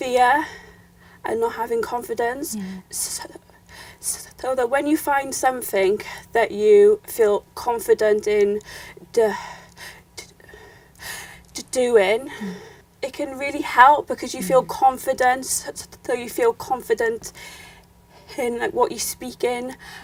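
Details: Young woman who has stammered since growing up, with repetitions of words and sounds; she links her stammer to fear and low confidence; stuttering (stammering).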